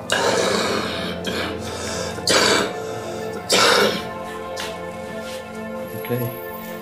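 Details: Three short, forceful coughs from an adult man with a giant 20 x 30 cm hernia, heard over steady background music.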